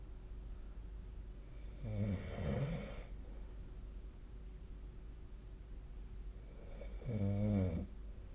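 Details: Sleep snoring recorded with a snore-tracking app: two low, fluttering snores about five seconds apart over a steady room hum.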